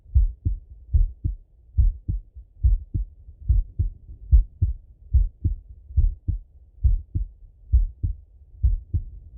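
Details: Male, heart auscultated by stethoscope while sitting at a desk or lying in bed: clear lub-dub pairs, regular at about 71 beats a minute, normal heart sounds.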